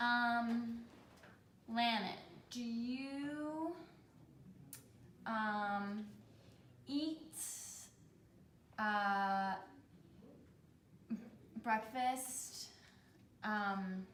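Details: Role-played (acted) group constraint-induced language therapy session; patients with Broca's aphasia, one following stroke, with word-retrieval and verbal expression difficulty, comprehension within normal limits, after two years of individual therapy; Broca's aphasia (non-fluent aphasia).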